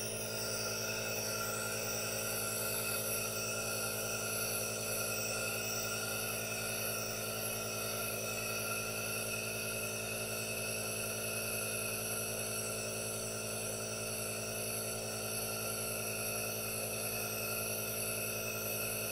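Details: Aerosol nebulizer running for a no-talking ASMR relaxation recording with hand movements: steady mechanical hum with a continuous hissing rush, unchanging throughout.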